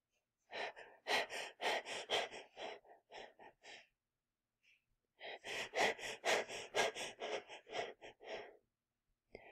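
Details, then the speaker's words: Imitated Cheyne-Stokes breathing in a lecture on cerebral dysfunction: breaths rising in rate and depth (hyperpnea, crescendo), then fading (decrescendo), then a period of apnea, cycle repeating. "It smooths down as we call it a decrescendo, and then there's a period of apnea. But while they're breathing, as far as the depth, it is going to be a hyperpnea."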